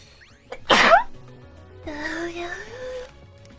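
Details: One loud explosive sneeze followed by a short voiced sound, with background music; sneezing, from a sneeze compilation.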